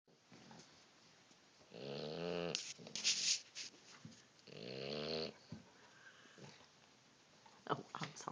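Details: Snoring in a sleeping dog: two long, rough, rattling snores with brief snorts and quiet breathing between them.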